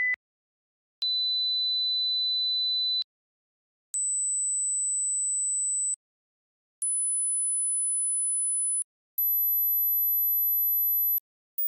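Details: High-frequency hearing test tones.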